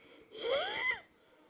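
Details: A single breath carrying a high-pitched musical whistle that rises and falls: a wheeze from narrowed, inflamed airways during an asthma attack (crisis).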